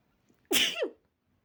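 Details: Someone practicing "girly" sneezes is overwhelmed by a nasal trigger and lets out an explosive sneeze: one hissing burst with a brief voiced tail.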